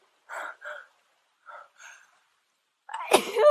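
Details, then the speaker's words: A sharp sneeze, short breathy bursts building to an explosive burst, outdoors on a walk; the sneezer says bug spray makes them sneeze and that they are allergic to trees. "Bug spray makes me sneeze. I'm going to sneeze."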